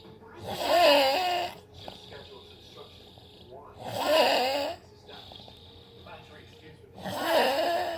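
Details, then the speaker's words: Man recorded snoring after he had recorded the recorder snoring: loud, rough snores on each breath in, about every three seconds, roughly 18 a minute, with quieter breathing between. "I just want to sit over here record me when I'm snoring but they'd sound like a goddamn car wreck"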